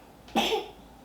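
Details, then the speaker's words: A single short, wet cough from a young child with a viral illness, phlegm audibly rattling in his chest, recorded on a directional shotgun microphone. "Now he's coughing towards you. But all last night, coughing right in my face."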